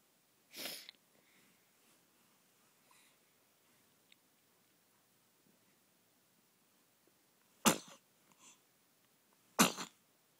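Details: A human baby sneezing: three short, sharp infant sneezes separated by quiet pauses in a still room.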